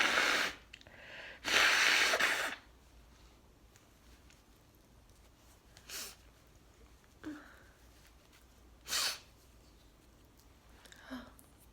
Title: Sneezing fit into mask with nose blow | 18 sneezes